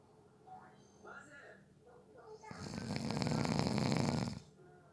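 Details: Snoring during a nap, person fell asleep within 30 seconds: a rough rattling in-breath snore building after a few softer breaths.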